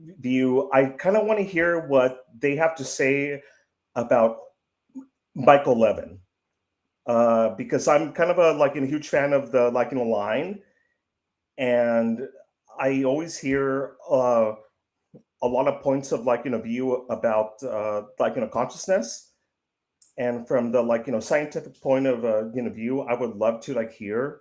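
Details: 55-year-old man who says he stutters; stuttering.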